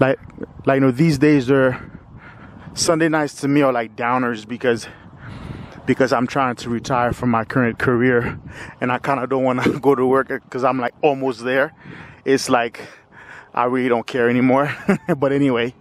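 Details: 45-year-old man with lifelong stuttering, with part-word and word repetitions; stuttering.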